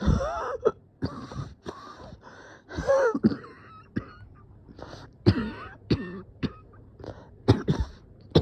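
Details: Person coughing and feeling dizzy, thinking they might pass out: about a dozen harsh coughs and throat clearings in eight seconds, with strained groaning voice between bursts.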